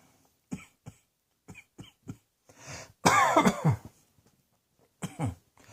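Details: Series of short, dry coughs and throat clearing, with one louder harsh coughing burst, in a quiet room.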